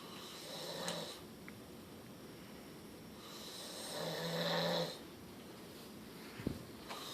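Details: Two slow, rough, rattling snores on breaths in, about four seconds apart, in a quiet room; snoring.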